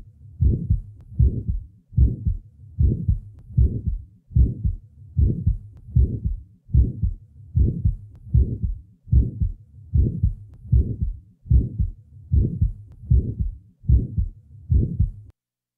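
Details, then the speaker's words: 20-year-old female with a small muscular VSD, recorded at the left lateral sternal border: regular heartbeat near 75/min with a short early systolic murmur starting at the first sound; early systolic murmur. "listen next to the sounds taken from a 20 year old female with a small muscular VSD the recording was taken at the left lateral sternal border"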